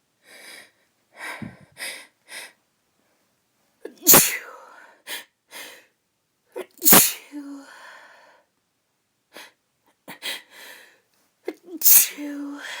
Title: Uncovered Sneezes (F)